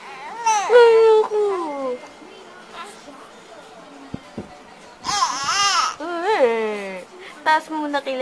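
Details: Infant crying, repeated wailing bursts with pauses while an adult talks softly to soothe her; crying signals that something is upsetting the baby.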